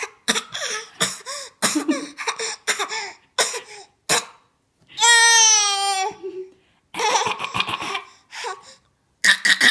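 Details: Almost 10-month-old infant playfully fake coughing: repeated short, light forced cough-like bursts mixed with a squealing vocal sound.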